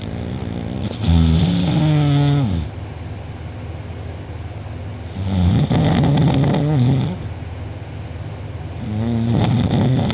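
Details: Very loud rattling snores on each inhale, about three in ten seconds, quieter exhales between, recorded by a sibling during deep sleep; mouth open and drooling, uvula and soft palate sore afterward: heavy snoring.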